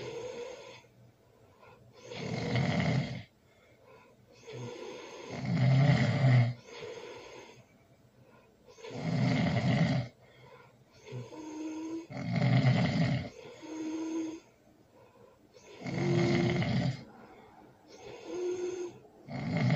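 Loud, rumbling snores on each in-breath with softer whistling out-breaths, about 17 breaths a minute, somewhat irregular.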